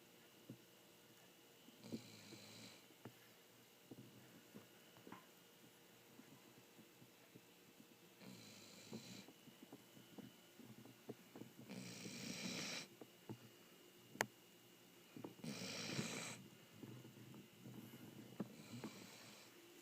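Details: Dog asleep, snoring softly and rhythmically at about 17 breaths a minute, with faint room noise.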